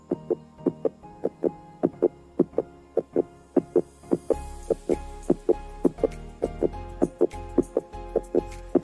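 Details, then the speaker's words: Serenity SR-100 fetal Doppler probe moved clockwise below the navel over gel on a pregnant abdomen picks up rapid, regular fetal heartbeat thumps of about 150 a minute, with background music: fetal heartbeat on Doppler. "Lakukan dengan cara memutar 360 derajat dari bawah pusar searah jarum jam hingga menemukan suara detak jantung bayi Anda."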